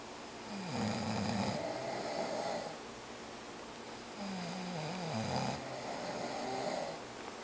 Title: Sleeping & Snoring